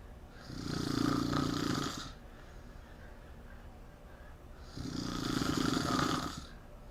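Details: Loud, rough, fluttering snores with each breath in, about fourteen breaths a minute, quiet between; loud snoring.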